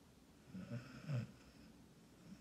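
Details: Dog named Bailey in deep sleep at lunchtime: one soft, low, snuffling snore in a quiet room.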